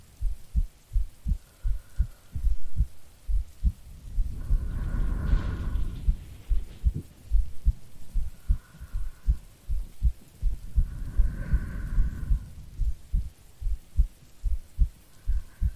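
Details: Soft steady heartbeat at about 74 a minute under rain and rolling thunder, a recorded heartbeat presented as a sleeping girlfriend's for sleep-aid ASMR; normal adult heartbeat.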